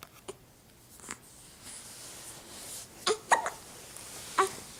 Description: with hiccups at four weeks of age.